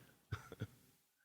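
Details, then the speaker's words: Adult with a cold during a podcast recording: a quick cluster of three short, low-pitched coughs, the middle one smallest, in a quiet room: brief dry cough. "I was battling a cold and I'm still battling a cold as you can probably hear. But I do have a few coughing fits in the episode."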